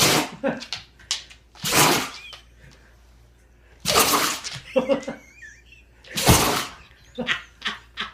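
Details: Several short, sharp nasal bursts in quick succession with quiet gaps; a dog's sneezing fit after getting water up her nose.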